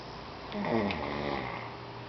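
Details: Snoring during a grandmother-and-grandson snore-off: a single low, rumbling snore over steady room noise.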